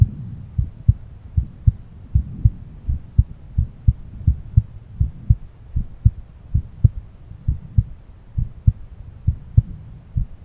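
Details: Own heartbeat auscultated with a stethoscope at different valve areas: regular low lub-dub heart sounds, about 100 beats a minute, with no clear extra sounds; normal heart sounds.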